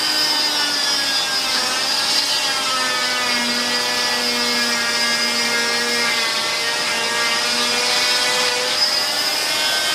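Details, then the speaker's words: Oscillating cast saw with suction cutting a thin fiberglass total contact leg cast, starting lateral and anterior with light pressure; steady high whine with slight pitch shifts and suction hiss throughout. "And you don't need to push hard. Remember, you only have a fairly thin layer of fiberglass. One hand on the saw, one hand on the leg for stability, and then come right up."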